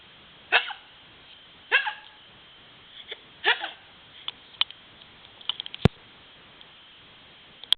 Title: with hiccups